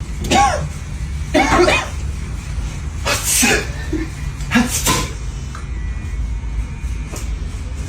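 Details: Staged prank sneezes at a barbershop sink during a customer's hair wash: several sharp, explosive bursts with brief voiced parts over steady room noise, likely exaggerated.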